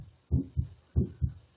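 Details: Stethoscope heart sounds played as an illustration and called normal: two regular heartbeats, each a clear lub-dub pair, at roughly 90 a minute; normal heart sounds.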